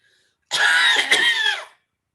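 One loud, harsh, throaty cough lasting about a second, imitated as a demonstration: an intense cough typical of the upper, proximal airways.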